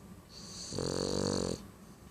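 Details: Sleeping Boston Terrier dog; single drawn-out buzzing, vibrating breath under a second; snoring.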